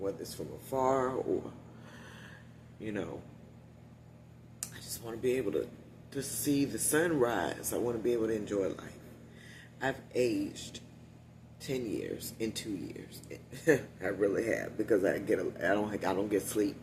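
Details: Adult woman with one vocal cord paralysed after neck surgery, voice lost about three years ago; she must push much more air to speak, which tires her; unilateral vocal cord paralysis.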